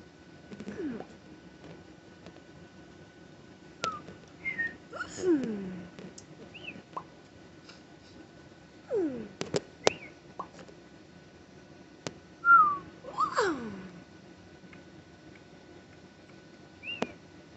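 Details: Parent's tic attack after a stressful day of phone calls, while on antibiotics, steroids and Tylenol for a bad ear infection and off Benadryl: scattered brief squeaks, whistle-like calls and clicks in a quiet room, vocal tics.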